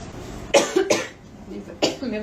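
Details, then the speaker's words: Woman coughing during a live clothing sale, apologising that the cough is bad and saying she needs syrup: three short, harsh cough bursts in quick succession with brief speech between. "Nossa, gente, você desculpa pel essa tosse, mas tá osso."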